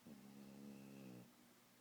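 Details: Sleepy puppy snoring: a single drawn-out, buzzing low snore lasting about a second in a quiet room.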